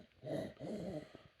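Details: Croup in a child waiting for an ambulance: harsh, whistling noisy breaths, stridor from upper-airway narrowing, which the caption calls wheezing; child later recovered.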